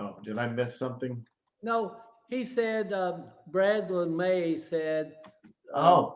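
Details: Stroke survivor with aphasia caused by a stroke about 9.5 years earlier, speaking live; aphasia.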